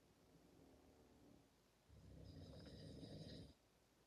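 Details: A man and another sleeper snoring together: a low rattling snore builds into a loud, rough inhalation with a whistling edge.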